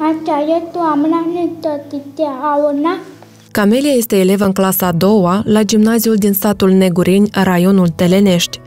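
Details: Adult female narrator; typical speech.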